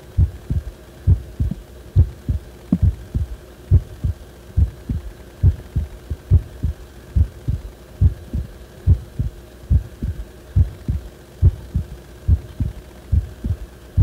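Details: Heart sounds recorded when the heart felt wrong: regular low thumps about 70 a minute over a steady hum; abnormal heart sounds of unspecified type.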